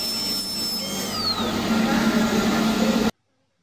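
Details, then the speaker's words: Dental handpiece drilling on an upper first molar for root canal access: continuous high-pitched drill whine with gliding pitch and spray hiss. "بعد كده هندخل الاندوزي في مكان الدروب ونعمل ايه اكستنشن دروفينج."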